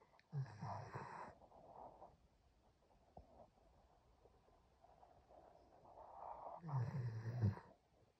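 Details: German Shepherd dog snoring while asleep on owner's lap: two low, rattling snores with quiet breathing between.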